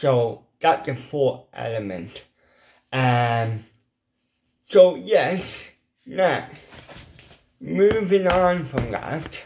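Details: Adult man with ataxic cerebral palsy whose lip muscles are weak and cannot form the shapes needed for certain letters, a lifelong speech impediment: dysarthria (cerebral palsy)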